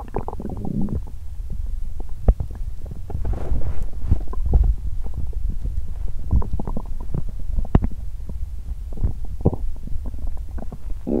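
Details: Stomach sounds after exercising on an empty stomach, which left them feeling unwell: low gurgling rumbles, some long and rolling, with bubbling pops and brief clicks; loud, active bowel sounds (borborygmi), a hungry growl.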